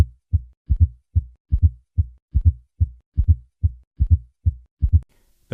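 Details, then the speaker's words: Fourth heart sound (S4 gallop) heard with the stethoscope bell at the cardiac apex, patient in left lateral position; three normal beats, then an extra soft late-diastolic sound just before S1, about 73 a minute, indicating a stiff ventricle. "the fourth heart sound occurs in late diastole shortly before the first heart sound as shown by the phone a cardiogram listened to a patient with a fourth heart sound I will begin with three normal beats and then add the fourth heart sound"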